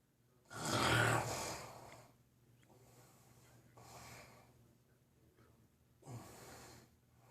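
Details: Snoring in a sleeping animal: loud snorting snores, with a harsh gasping first breath and softer ones after.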